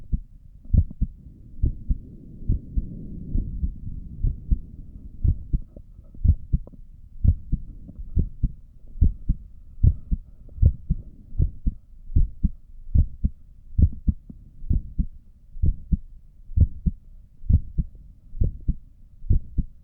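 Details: Stethoscope recording of an adult's own heartbeat while sitting at a desk for five minutes, with a visible neck pulse: steady, regular, clear lub-dub pairs at about 64 a minute. Normal heart sounds.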